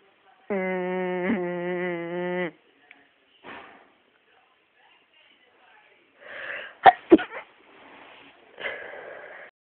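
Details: Induced sneeze triggered with a humming trick: a long rising voiced build-up, then a sharp explosive burst with quick follow-up bursts and breathy exhalation; a sneeze.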